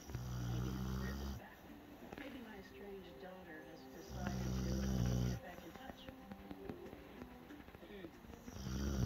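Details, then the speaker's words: Dog snoring while asleep lying on its owner: deep, buzzy snores on each in-breath about every four seconds, with quieter breathing and faint room sound between. "This snoring is just too cute. And I'm kind of trapped here."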